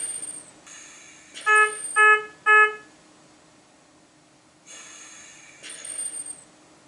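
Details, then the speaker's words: Low-priority yellow alarm on a ventilator: three short, evenly spaced tones with a yellow banner, then quiet room sound; repeats until the problem is cleared. "we have a low priority yellow alarm which was going to sound like this and will come with a signal like that with a yellow banner indicating that something is something's amiss but again it's a low priority alarm"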